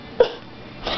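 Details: A single short, sharp cough burst, with another breathy burst starting as the clip ends.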